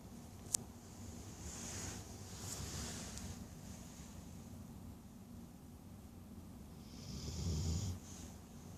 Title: Chauncey snoring